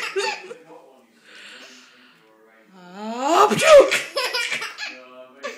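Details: Mother gives a loud sneeze while her 1-year-old daughter bursts into giggles around it.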